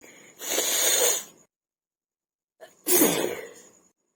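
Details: Two forceful, hissing sneezes, each preceded by a short intake of breath, recorded as a first attempt at a sneezing and nose-blowing challenge.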